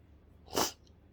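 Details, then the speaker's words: Adult woman's sneeze during a sneezing session; one short, sharp hissing burst through nose and mouth, with quiet before and after. "because it builds up with that tickle and i love the feeling of just letting go and having that really big sneeze"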